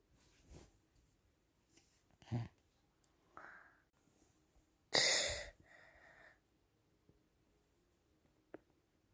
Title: sneeze 6